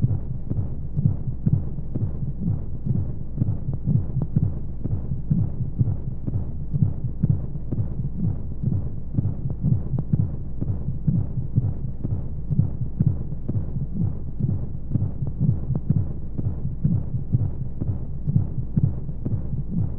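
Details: Womb-sound sleep aid for babies: steady low thumping heartbeat at about 125 beats a minute with a soft whooshing flow-like hum of white noise underneath, as heard in the womb.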